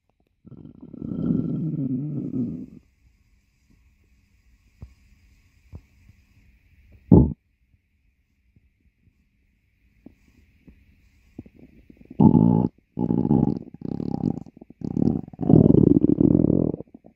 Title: stomach growling.